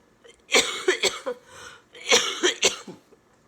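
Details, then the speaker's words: Adult woman with cystic fibrosis, sick and exhausted, on IV antibiotics and treatments, lungs not cooperating: two bouts of harsh, repeated coughing, several coughs each, with throat clearing; cystic fibrosis cough. "hopefully I'll be able to get some rest and my lungs will start cooperating sooner rather than later"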